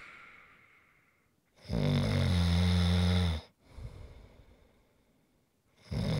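Long, loud, rumbling snore on a breath in, a quiet breath out, then the next snore beginning.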